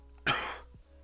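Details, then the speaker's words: Single sharp, forceful cough burst with brief trailing breath over faint background hum, from an adult sick with a cold: right-sided congestion and sore throat, reflexive cough without throat tickle. "most of the time i don't have to cough there's no tickle in the back of my throat or anything it's just a reflex that my freaking body is forcing me to do"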